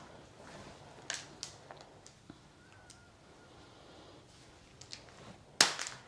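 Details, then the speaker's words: Returning adult woman getting a chiropractic pelvis adjustment after her right leg felt heavier and sat quite a bit lower than the left: several sharp cracks and pops, loudest near the end, from joint cavitation. "So I'm just going to go through and I'm going to adjust your pelvis."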